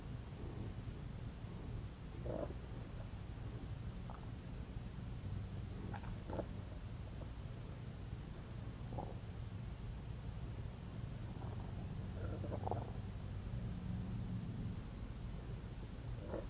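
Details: Adult woman's belly after eating McDonald's: low rumbling and scattered gurgles of digestion; bowel sounds (borborygmi).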